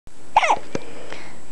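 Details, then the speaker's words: Baby boy aged 3 weeks 4 days, 8 lb 7 oz, just after a bath and a feed: a brief sharp catch of breath with a small squeaky vocal sound, then a short click; hiccups. "okay we've just had a bath and a feed and naturally now it is hiccup time"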